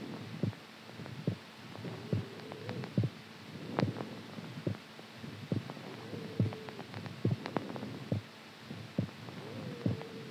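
Steady low thumping heartbeat about 70 beats a minute under hum and crackly noise; normal heart rhythm.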